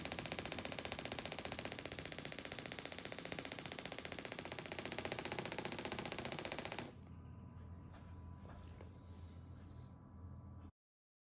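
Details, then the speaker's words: Rapid, regular clicking pulses at about 150 a minute for several seconds, then stopping: radial shockwave device at high frequency, low starting pressure, over the lower two-thirds of the tibia treating medial tibial stress syndrome (shin splints). "I'm going to apply 2,000 shocks and I'm going to use high frequency uh to try and make it a bit more comfortable to work into"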